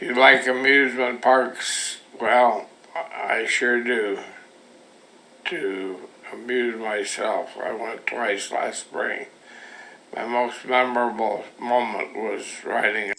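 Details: Person with Parkinson's disease reading a passage aloud, recorded for a mobile speech-based neurological assessment tool and compared with a control; hypokinetic dysarthria (Parkinsonian speech).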